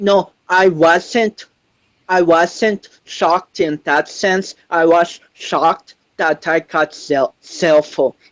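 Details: 25-year-old man with cerebral palsy since birth, which he says affects his balance, coordination and speech; doctors said he would never walk, and he is now a powerlifter; dysarthric speech in cerebral palsy.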